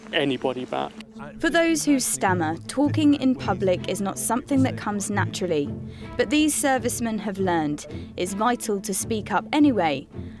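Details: Adult woman narrating; fluent speech.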